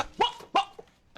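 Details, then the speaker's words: Acted scene from a drama film: an adult with Tourette syndrome produces two abrupt, loud bark-like vocal bursts, a simple vocal tic. "all he could see when he looked at me was my tourette's"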